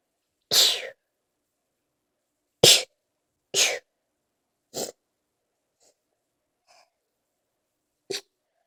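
Five sharp, explosive sneezes in a row, the later ones softer, followed by faint stifled ones. A sneezing fit.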